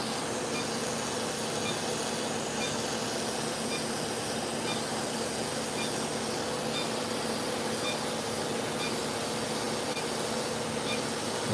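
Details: Deep fractional CO2 laser for acne scars as part of a combination treatment, run at lower density with tiny millimetre-scale beams and described as painful: a loud, steady hiss with faint, evenly spaced ticks as the laser passes over the skin.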